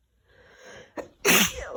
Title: Messy Cold Sneezes (f)